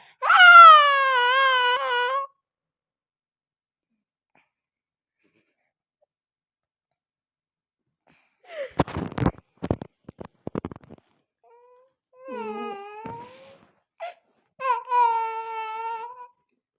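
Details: Baby crying in intermittent wails with quiet gaps while mama eats roasted chickpeas, crunching sounds between cries; ordinary infant crying.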